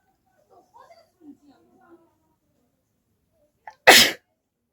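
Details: Single sharp, loud, explosive sneeze after faint quiet sounds and a brief catch of breath; woman induces sneezing by poking folded paper into her nose, no handkerchief, on request.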